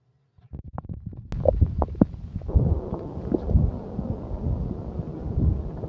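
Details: Stomach growling: low rumbling gurgles with irregular bubbling pops lasting several seconds.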